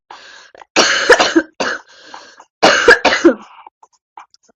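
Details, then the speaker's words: A girl with a cough she says is getting worse: two bouts of harsh, repeated coughing separated by quiet breathing, a coughing fit "Why is my cough getting worse?"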